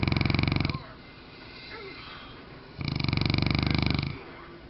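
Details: Loud, rattling snores from a mastiff in two long bursts separated by quieter breathing; coarse, fluttering heavy snoring.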